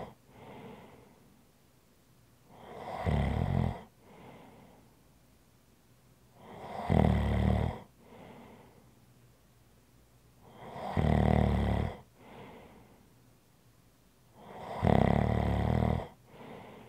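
Four loud rattling snores on the in-breath, each followed by a softer out-breath, about one breath every four seconds, roughly 14 a minute.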